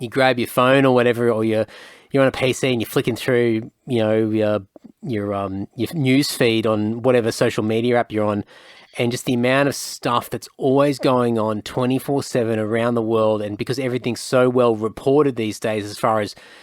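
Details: Adult male speaker; normal speech.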